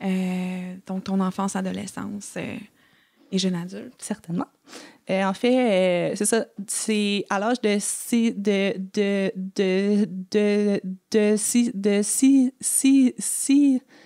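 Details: Adult French-speaking woman who has stuttered since age 6 and had about four or five speech therapy courses in primary school, secondary school and university; stuttering.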